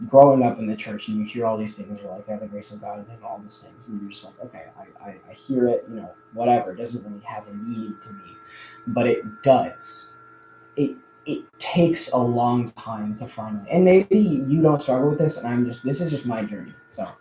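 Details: Adult male who says he stutters a lot more now than in the past; audible word repetitions; stuttering.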